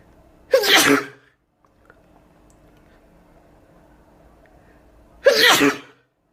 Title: Making myself sneeze, again